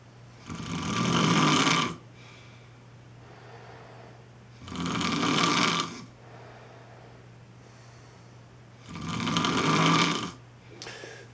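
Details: Skier snoring after heli-skiing in the Chugach: three loud, harsh snores, about 14 a minute, each over a second long, with a steady low hum in the background.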